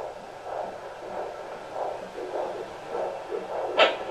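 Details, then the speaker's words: Fetal heartbeat on a handheld Doppler at a prenatal visit in a first pregnancy: fast, rhythmic whooshing pulses over a low hum with a brief scrape. The rate is described as kind of high but good. "The thumping sound there, that's the baby's heartbeat. The whirling sound you hear, that that's that's the percent there. That's the baby's heartbeat."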